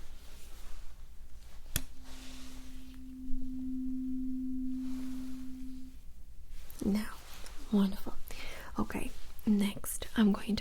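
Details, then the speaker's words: Simulated ASMR medical role-play cranial nerve exam, hearing test: a sharp tap starts a steady pure hum from a struck tuning fork, fading after about four seconds, as the patient is asked to say when the sound stops; whispering follows. "lastly I'm going to check your hearing with a tuning fork can you please tell me when you don't hear the sound [Music] anymore"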